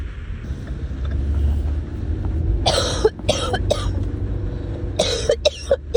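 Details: Adult coughing while ill: two bursts of harsh coughing, about six coughs, over low traffic rumble; cough.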